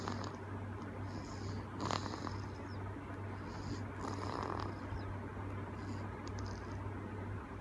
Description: 2 months old baby girl is snoring aloud. Enjoying her sleep time.